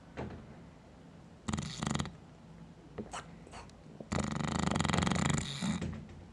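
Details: Sleeping dog, rough rattling breaths with fluttering buzz, two long loud snores among softer snorts; snoring.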